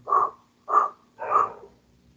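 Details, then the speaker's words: Imitated cavernous (amphoric) breath sound of a lung cavity: three hollow blowing breaths made through lips rounded for the vowel O, contrasted with the tubular sound made on A; heard more in expiration. "El soplo cavitario que les había mencionado. ¿Cómo lo obtenemos y cómo lo diferenciamos del tubario? Ponemos la boca o los labios para pronunciar la vocal O y aspiramos, ¿no?"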